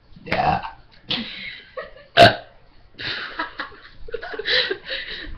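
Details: Burping contest between several people: a series of deep, croaking belches with a short sharp burst between them.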